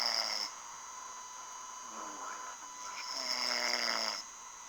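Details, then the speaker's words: Sleeping man snores with a droning, slightly whistling sound on each breath over steady room hum: snoring. "who's this who is this snoring right now I'm taping a video right now wake up"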